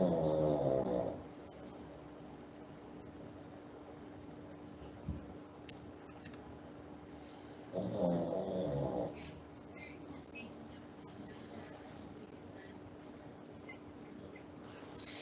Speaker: um i'm sorry if you can hear um the snoring in the background that is my pug he is sleeping and he snores loudly